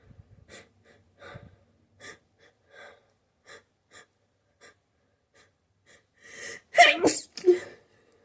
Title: sneezing fit and stifles